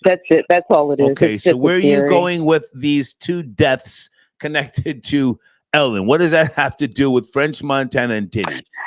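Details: Adult male speaker; normal fluent speech.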